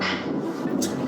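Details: Sleep bruxism: teeth-grinding sounds recorded during an overnight polysomnography (sleep study) of a sleep specialist physician.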